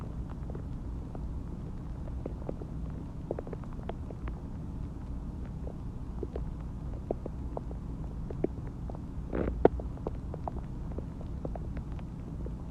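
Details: Stomach growling after eating Chinese food and drinking water: steady low rumbling with scattered small pops and gurgles, normal borborygmi.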